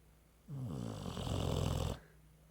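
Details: Pitbull named Mae napping on a couch: a single loud, low, rattling snore of about one and a half seconds over quiet room noise.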